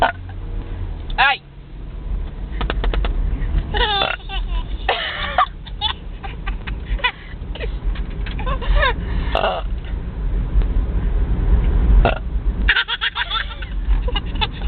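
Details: Several loud, low, rumbling deliberate belches by a girl in a car while her baby brother laughs; speech, brief laughter and steady low background rumble.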